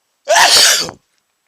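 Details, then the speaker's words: Single loud, forceful, hissing sneeze provoked by sniffing a lot of chhinkni (sneezing powder). "hey everyone I just sniffed some [ __ ] into my nose and it's making me sneeze"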